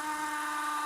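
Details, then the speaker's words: Steady high whine of a rotary implant surgical drill, a final drill cutting to final depth in mandibular bone while placing an implant at the lower first bicuspid site. "we're going to go to the uh 4-0 um final drill for the mandible which is uh slightly larger than the one for the maxwell and we're going to take it down the final depth if the bone is very hard"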